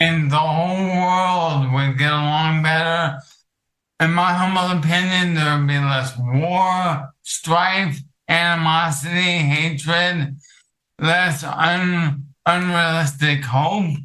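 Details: Adult male with ALS affecting his vocal cords, which makes talking difficult; finding: dysarthria (ALS).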